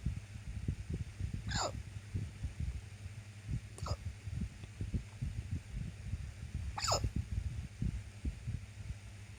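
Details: Randomly occurring hiccups: three sharp, high, squeaky gulps spaced a few seconds apart over low rumbling noise.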